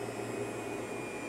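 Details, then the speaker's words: Cough assist machine in manual mode, tubing blocked while inspiratory pressure is checked and dialed down from about 25: steady continuous motor whir. "I'm going to turn the machine on and the first thing I'm going to do is check the inspiratory pressure by pushing the toggle switch to the inhale side"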